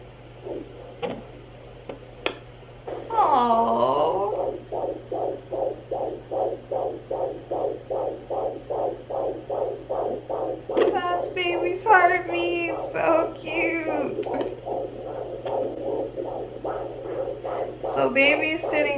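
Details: Fetal heartbeat at 15 weeks of pregnancy on a home Sonoline B fetal Doppler, found mid-abdomen: fast, regular whooshing pulses about 145 a minute, faster than the mother's, over a steady hum with swishing movement noise.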